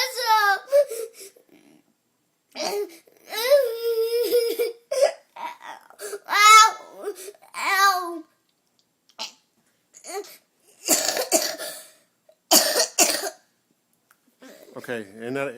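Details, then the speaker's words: Sleep terror (night terror, pavor nocturnus) in a young child: high-pitched, distressed wails and cries in bursts separated by silences, in a quiet room. "Night terrors, sleep terrors, pavore nocturnus. This is an event similar to what we saw in the video."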